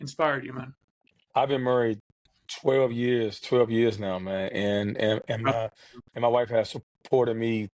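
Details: Adult man who has stuttered since childhood, in a real interview; stuttering.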